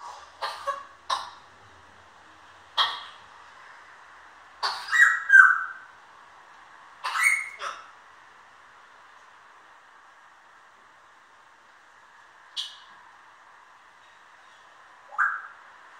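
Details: An African grey parrot gives short, sharp cough-like bursts, mimicking a human cough rather than showing illness.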